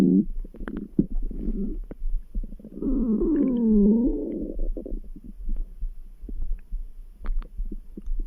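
Gurgling, rumbling stomach sounds with a drawn-out rising and falling grumble, ordinary bowel sounds; faint low thumps in the background.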